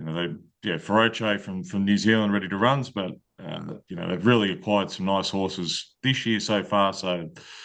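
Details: Adult male speaker; Normal speech.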